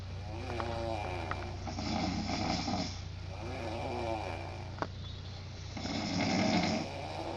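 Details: Snoring contest between two people: two loud, rattling snores on inward breaths with fainter snoring between, and a steady background hum; ordinary snoring.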